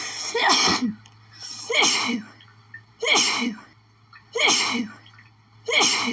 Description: I think I made a mistake sniffing those lilies earlier, I've been having intense sneezing fits nonstop ever since 😧